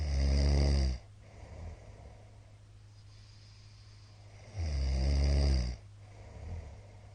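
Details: Heavy snoring from a sleeping middle-aged man, recorded 13 March 2022 and described as very loud: loud, deep, rattling snores on two in-breaths, each about a second, with quiet breathing and a low room hum between.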